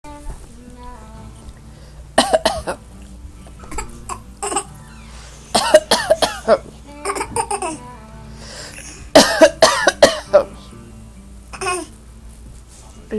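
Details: Short clusters of deliberate coughs, an adult coughing and a young child copying each burst; voluntary cough.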